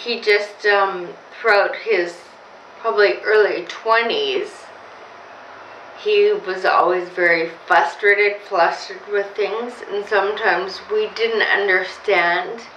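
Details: Woman with Friedreich's ataxia diagnosed in 1999 at about 30–31; speech became difficult in her late 20s, with pronouncing words growing harder; she speaks slower and pronounces carefully; ataxic dysarthria.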